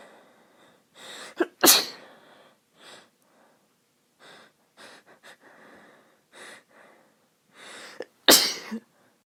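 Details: Adult woman whose nose is a little itchy all the time from going outside this time of year: soft, breathy in-breaths build to two soft sneezes, with sniffing between.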